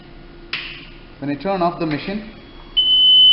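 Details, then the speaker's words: Newport E360 ventilator switched off by the operator: brief speech, then a steady, continuous high-pitched power-off alarm that must be acknowledged by silencing it to confirm the shutdown was deliberate. "it's giving an alarm. So I need to acknowledge that it is voluntarily turned off, not by accident, by silencing the alarm."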